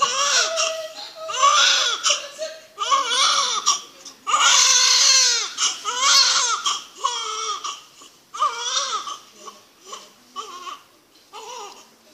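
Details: First cry of a couple's first child at birth: strong, high-pitched, repeated wailing cries with short breaths between; vigorous newborn cry.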